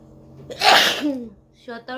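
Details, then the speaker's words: Woman doing a sneezing challenge, deliberately provoking sneezes by poking inside her nose with a stick, counting them: a single loud explosive sneeze with a brief voiced lead-in, then short vocal sounds; a provoked sneeze. "বন্ধুরা তোমাদের অনুরোধে আমি আর একটা part করেছি হাঁচির video. এখানে আমি 17টা হাঁচি দিয়েছি।"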